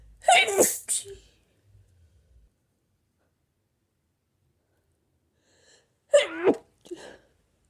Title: Violent hayfever sneezes